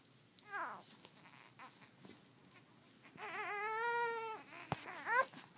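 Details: A 1-month-old infant who dislikes tummy time cries: short fussy whimpers build into a sustained, rising-and-falling wail, then break into brief cries in a quiet room.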